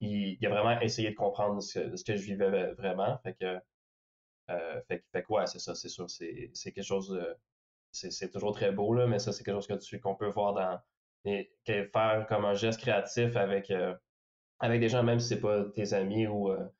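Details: Stuttering in a young male filmmaker who is a person who stutters.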